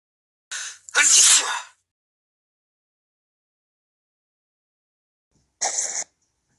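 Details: Staged stop-motion sound-effect sneeze: a sharp, hissing two-part sneeze, a quiet pause, then a shorter sneeze-like burst; simulated, not real.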